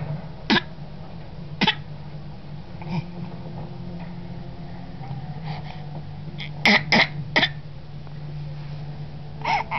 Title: Baby Coughing